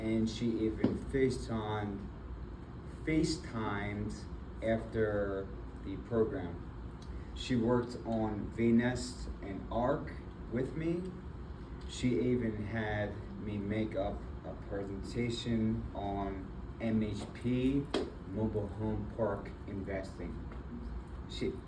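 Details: Adult man with aphasia and apraxia of speech after a February 2024 stroke that left him initially nonverbal with right arm and leg weakness; several further strokes followed; still in speech therapy.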